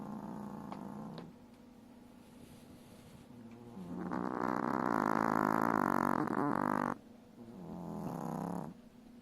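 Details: Chihuahua puppy snoring loudly like a piglet alongside her mother: loud, rattling snorts on drawn breaths alternating with quieter stretches; small-dog snoring.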